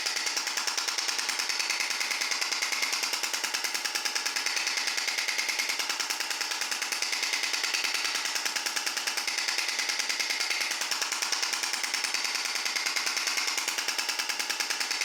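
Steady, rapid, monotonous hammering pulses, about 146 per minute; a shock wave therapy device running.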